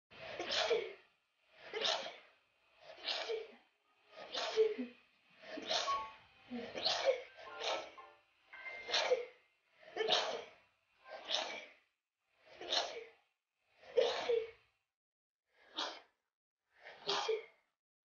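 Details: 15-year-old girl with uncontrollable sneezing for a week to ten days, referred on by hospitals that had not seen it before: fourteen sneezes in a steady run about every 1.2 seconds, a paroxysmal repeated sneezing fit.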